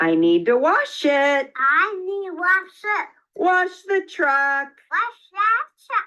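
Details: Young boy with childhood apraxia of speech, recorded before therapy; childhood apraxia of speech.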